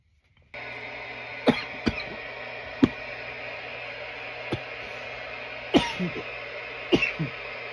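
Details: From a nearly 10-minute coughing recording: about seven short, sharp coughs in under eight seconds over steady room hum; recurring cough.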